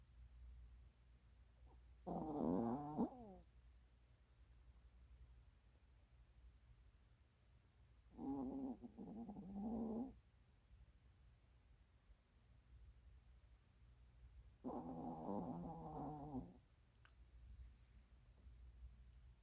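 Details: Snoring from a sleeping small dog, possibly a Maltese: three rattling, fluttering snores, roughly ten a minute, with quiet gaps between them.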